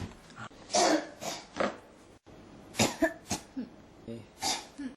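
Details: Cough that won't stop: about seven short harsh coughs in quick bursts with throat clearing between; repeated coughing.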